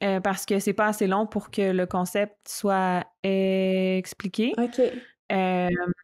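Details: Adult woman who stutters, a candidate for a master's in speech-language pathology, speaking French; stuttering.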